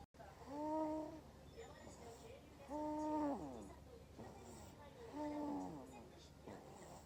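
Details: 2-month-old baby snoring while asleep: soft, regular voiced snoring noises with each breath, about 26 a minute, over room hiss; infant snoring.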